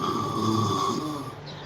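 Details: Elderly grandmother snoring during sleep, worsening over two days; audio bass-boosted for comedy: one long, loud, rattling breath with an added hum; snoring.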